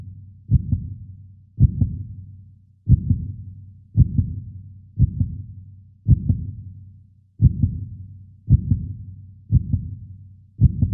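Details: Heartbeat sound from a 3D animation of the human heart, not a real recording: steady paired lub-dub thumps at about 55 beats a minute, slow and regular; normal heartbeat.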